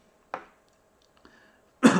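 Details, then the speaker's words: An adult man clears his throat, then gives one loud, harsh cough after talking for over an hour on a live stream. His voice is strained and he needs to rest it. An ordinary cough. "And as you can hear from my coughing, uh I also need to give my voice a rest now."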